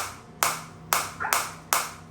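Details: Biotronix focused shockwave device demonstrated; intensity increased while frequency automatically decreases: sharp, snapping clicks, four in about two seconds, at a steady pace from the focused shockwave applicator firing.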